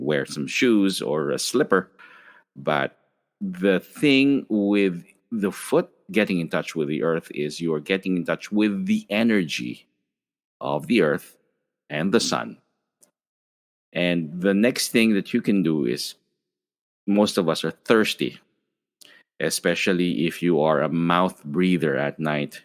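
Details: Adult male speaker; ordinary speech.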